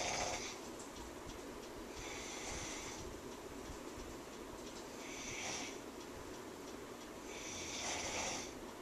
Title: Snores Really Loudly